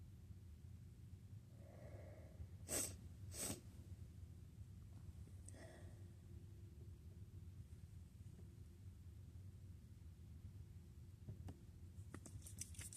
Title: just wanted to sneeze